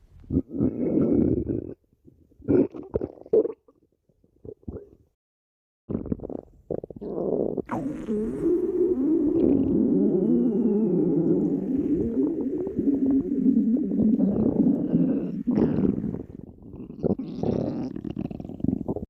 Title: бисца stomach growling 2